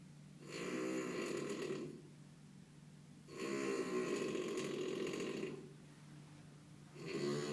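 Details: Hotel guest snoring at night: loud, rattling snores on each in-breath, about 17 a minute, with quiet gaps between; heavy snoring.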